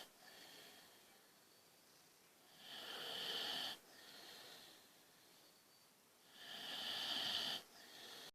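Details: Very tired sleeping boxer dog: slow, hissing, whistle-tinged snoring breaths, about 16 a minute, with louder inhalations; snoring.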